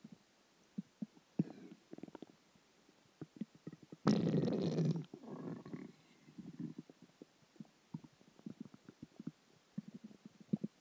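Low gurgling and rumbling with one long, loud growl. These are ordinary stomach growls from gas and fluid moving through the gut.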